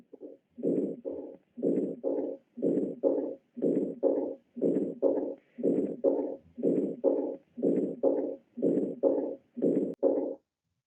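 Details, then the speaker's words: Teaching example of aortic stenosis for medical students: regular heartbeat at about 60 a minute, each beat carrying a harsh crescendo-decrescendo (diamond-shaped) ejection systolic murmur. "con el paso del tiempo este soplo se hace más tardío incluso puede llegar a aparecer el segundo ruido perdiendo entonces este soplo eyectivo en Diamante lo escucharemos en la sístole e en compatibilidad con el pulso palpatorio y aquí tenemos el ejemplo"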